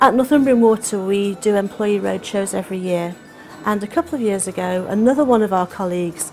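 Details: Adult woman speaking; fluent speech.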